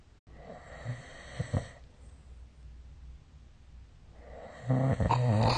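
Rough, rattling snoring sounds during sleep, separated by a quiet stretch of breathing, with a louder, coarser snore at the end.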